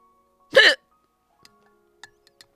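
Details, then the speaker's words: A single abrupt, voiced gulping sound with a sharp onset against faint background tones and clicks, in a person hiccuping for 1.5 hours with painful hiccups and a lifelong tendency to them: hiccup (singultus). "if this works I nope it didn't cuz that would be so cool because like I've gotten hiccups my whole life"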